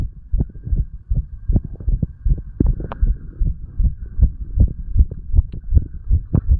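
Steady low thumping heartbeat, fast at roughly 80 beats a minute in paired sounds, with a faint hum behind it.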